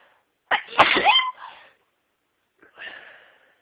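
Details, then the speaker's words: Woman in a sneezing fit: a high-pitched sneeze with quick inward catch then softer trailing exhalation; ordinary sneezing. "Can't stop sneezing. Let's sneeze again."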